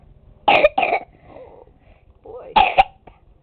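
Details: 2-year-old boy has a coughing spell while singing Twinkle Twinkle Little Star: a short run of sharp coughs, two quick bursts, a pause, then two more.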